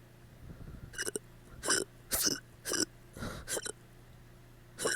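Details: A rapid run of abrupt gulping throat sounds, some hiccup-like and some burp-like, about six in five seconds, in a person who had drunk too much; hiccups.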